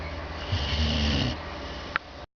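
One low, rumbling snore lasting about a second, then a short snort, against steady room noise: snoring in a sleeping dog.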